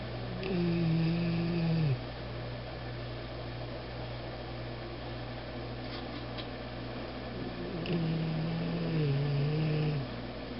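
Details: Aero, described as a big snorer, snoring: two long rough droning snores a few seconds apart over low room hum.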